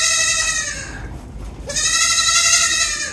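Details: Loud, drawn-out, strained bleating from a doe goat pushing during a long, difficult labor with poorly positioned kids, a breech kid pulled by its back feet, a very large kid, and a stillborn.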